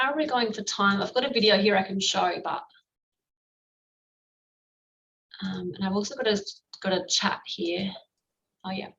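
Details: Adult woman speaking; ordinary speech.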